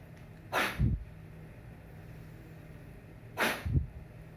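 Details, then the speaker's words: Forced expiration (huff) demonstrated for clearing chest phlegm: normal breath in, then two forceful, breathy open-mouth blows out like blowing out a candle; airway-clearance technique. "so you take a normal breath in and you blow out like you blow out the candle like this"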